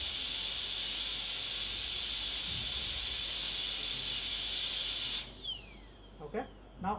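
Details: Dental air-rotor high-speed drill on a molar crown preparation for a PFM crown, cutting depth grooves with a 1 mm tip, moving in one direction and lifting; steady high-pitched whine that spins down and stops with faint clicks.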